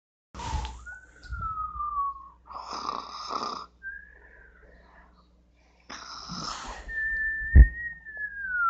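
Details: Simulated snore sound effect: two loud rattling snoring breaths, each followed by a high whistling tone on the out-breath, comic style.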